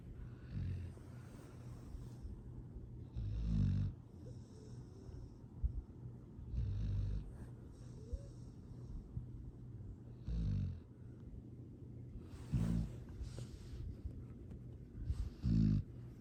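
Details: Sleeping dog snoring, with low, snorting snores about every three seconds (about 18 a minute); harmless sleep sounds.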